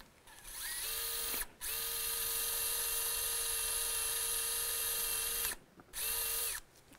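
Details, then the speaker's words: Surgical power drill with a 3-0 bit preparing the second toe's proximal phalanx for a DynaNite PIP hammertoe implant during hammertoe correction; a high, steady motor whine in three bursts with short pauses. "so now we're going to use the 3-0 drill bit for the dyna knight hammer toe implant"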